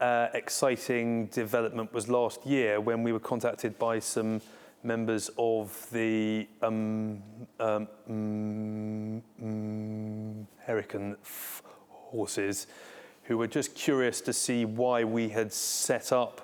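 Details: Adult civil servant with a stammer, co-founder of a defence stammering network; real, unacted speech; stammering.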